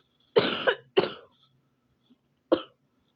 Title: a case for my friend to solve (cringe warning) also ignore my preppy ahh coughs